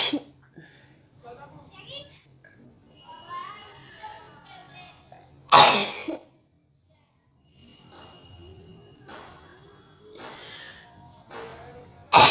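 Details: Woman deliberately inhaling red chili powder for a sneezing challenge: quiet breathy sounds, then one loud explosive sneeze after a short silence, then softer breaths and sniffs.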